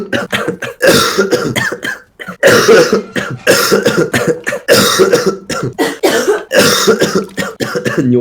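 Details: Adult man coughing all evening, says coughing feels so bad his eyes bulge out: about six bouts of rapid harsh coughs in eight seconds, short breaths between; repeated coughing fits.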